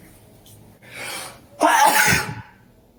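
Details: One sharp, explosive sneeze after a quiet in-breath, in a small room. It came during a big allergy attack of at least 30 sneezes in an hour, in a dusty, very cold air-conditioned lab with possible animal hair; the cause is uncertain.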